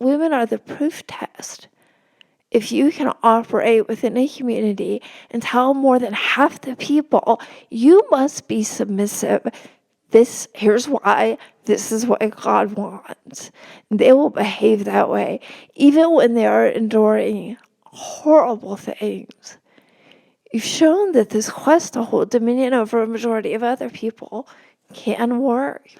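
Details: Real spasmodic dysphonia in a woman, a religion reporter speaking in a podcast interview; no type, onset or treatment stated; spasmodic dysphonia.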